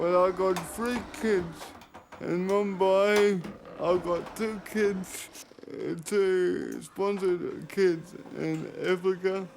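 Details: 32-year-old man with cerebral palsy present since birth, dependent on 24-hour care; speech starts to slur when he tires; dysarthria (cerebral palsy).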